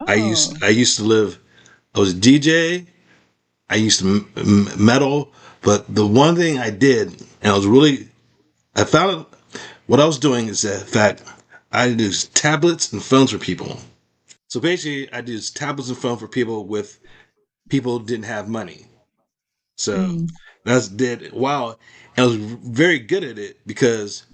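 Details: Adult male with aphasia after a stroke, practising speech as part of his recovery. Finding: aphasia.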